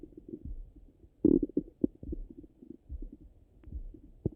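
Irregular low gurgles and rumbles with a few louder bursts, typical of active bowel sounds during digestion.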